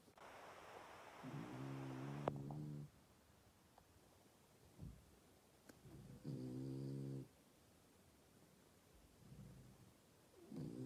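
Low, buzzing snores come in two or three spaced breaths with quiet gaps between them, over faint room noise. Snoring.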